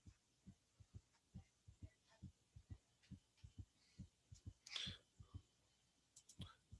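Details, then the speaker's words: Heart auscultation played over Zoom to show an extra heart sound: regular low heart thumps near 68 a minute with an extra soft sound, a three-beat S3 gallop. "i was trying to help you hear an extra heart sound th"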